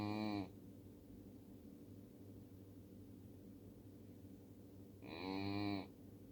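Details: A miniature Schnauzer snores: two deep, droning, buzzy sounds about five seconds apart, each under a second, over a steady low hum.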